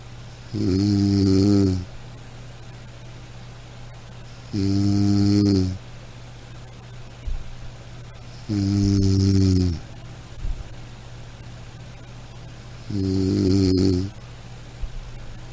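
Loud, rhythmic rattling snores on each breath in, about 15 a minute, separated by quiet breathing out; ordinary snoring.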